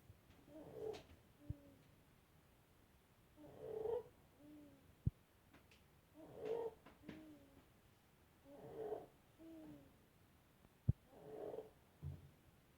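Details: 7-month-old infant with laryngomalacia: noisy, squeaky, fluttering inspiratory stridor on each breath in.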